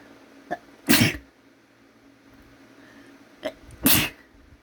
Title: Inducing sneezes and some runny nose